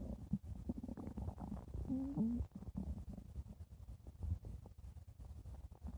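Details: Ordinary stomach growling (borborygmi) recorded close up: low gurgling rumbles with a brief squeaky tone, from gas and fluid moving through the gut.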